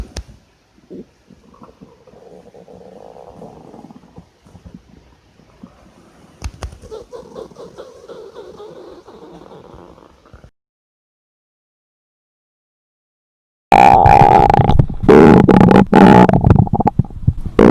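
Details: Low gurgling, bubbling belly rumbles, then a loud close, distorted stretch of growling; hunger stomach growling, presented as a hungry schoolgirl's stomach during class.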